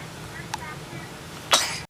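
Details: One-day-old newborn under blue-light phototherapy for jaundice giving his first sneeze: a faint click, then one short, sharp burst of air over steady room hum.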